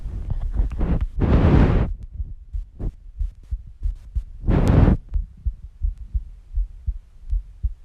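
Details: Relaxing recording of a female's normal heartbeat.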